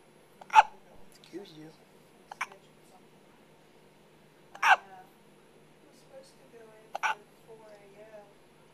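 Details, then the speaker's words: A baby seeing sunlight for the first time has hiccups that need to stop before feeding: sharp, abrupt hiccups recurring with quiet pauses and soft baby noises between them. "Okay. Let's go see if we can get rid of the hiccups so you can eat."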